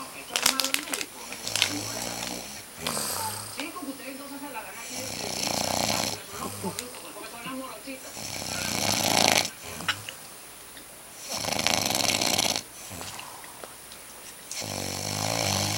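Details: Loud, rough, rattling snores in repeated bursts with quieter pauses, from an adult man (dad) sleeping: snoring.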